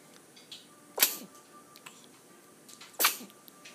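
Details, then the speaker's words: Four-week-and-two-day-old infant: two small, sharp, hissing sneezes about two seconds apart. Sneezing. "bless you it's so exciting I had to sneeze"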